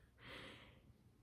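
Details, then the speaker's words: Single soft, rough snorting breath from a sleeping dog about 10–14 days after surgery under general anesthesia (dental extraction, eyelid and side benign tumor removal), heard faintly in a quiet room: snoring. "Maggie, the dog that you can probably hear snoring, she had surgery about 10 days ago."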